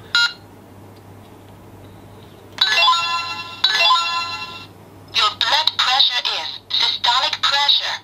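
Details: Portable digital wrist blood pressure monitor, used seated with arm at heart level, beeps and announces in English a reading of about 129/81 mmHg and pulse 68 per minute, in the normal green range.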